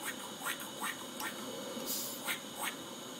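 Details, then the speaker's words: Audible airway secretions in a child's tracheostomy tube on a ventilator, as heard before suctioning to the depth of the trach. "we're only going to suction the depth of the trach or the length of their tray so the only thing we can do is clear out the drake and you can usually hear the secretions"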